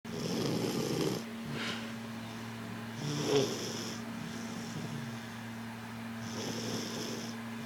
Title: snoring